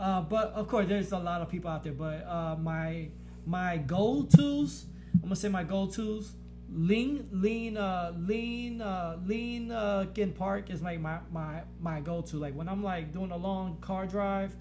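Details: Adult man with a stutter since childhood, much worsened after blast-wave brain injuries from IEDs in military service, now with physical reactions (eyes rolling back, body moving back) when stuttering; he does not stutter when rapping; finding: stuttering.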